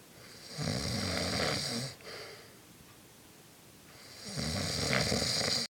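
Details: Sleeping adult man (a father said to deny snoring) snoring: loud, rough rattling on two breaths with a quiet pause between.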